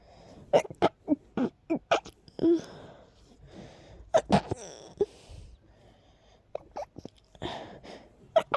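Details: Stifled sneezes from a person whose allergies are acting up and who feels very tickly: a run of short, breathy catches and muffled bursts with sharp intakes of breath.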